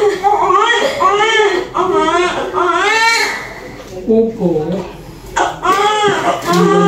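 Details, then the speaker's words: Newborn immediately after normal vaginal delivery, described as a very big baby: loud, rhythmic, vigorous wailing cries in repeated bursts with brief pauses and quiet adult talk. "Okay laki Tingan baby napakalaki umiyak Hwag na umiyak"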